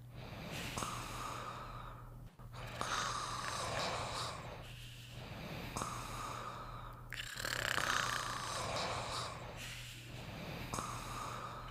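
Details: Two sleepers snoring together: noisy, rhythmic sleep snoring with snorting breaths over a steady low hum, about four breath cycles in twelve seconds.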